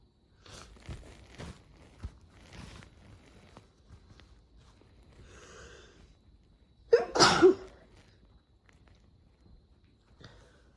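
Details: Sniffing and nose rubbing, then one loud, explosive sneeze during a sneeze attack from excessive hay fever; hay fever sneezing.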